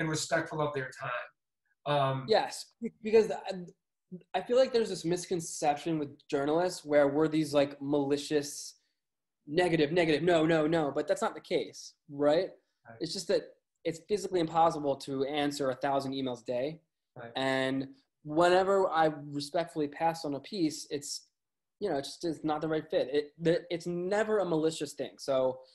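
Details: Lifelong stuttering in an adult male music journalist, who says it is audible.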